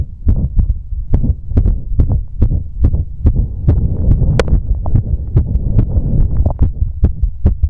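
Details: Rapid, deep heart thumps with slightly uneven spacing between beats after exercise, with the heartbeat visible: an irregular heartbeat.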